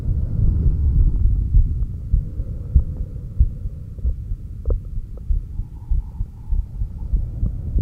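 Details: Heartbeat recorded with a stethoscope at the apex during exhaled (stomach vacuum) and inhaled breath-holds, with SpO2 shown on an oximeter. Soft, regular lub-dub beats sound under a low rumble and steady hum, with possible stomach growls. Normal heart sounds.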